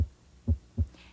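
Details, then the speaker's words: Normal heart sounds heard by stethoscope at the base of the heart: short, low, dull thumps with a prominent S2, which reflects aortic and pulmonic valve closure. "determine the patients heart rate and rhythm and listen for the normal heart sounds and sub is best heard at the base of the heart and corresponds to pulmonic and aortic valve closure at the end of ventricular cy."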